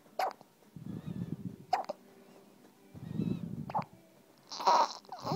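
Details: Baby's hiccups, said to sound like a little puppy: short, sharp squeaky hiccups, four in about five seconds, each followed by soft breathing noise.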